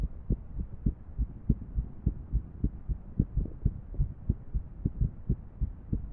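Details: Irregular heartbeat from a female: muffled low heart thumps with uneven spacing, some beats early or in close pairs.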